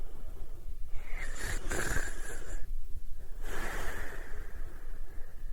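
Rough noisy breaths with a faint whistling edge over low rumbling background: snoring.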